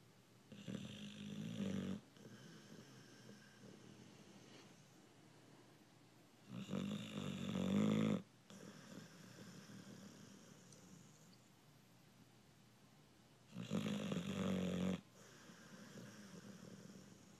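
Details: A sleeping American Bulldog snoring: three loud, rough snores about six seconds apart, each over a second long, with quieter breathing between; dog snoring.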